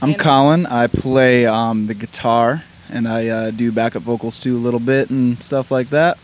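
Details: Adult man speaking; Normal adult speech.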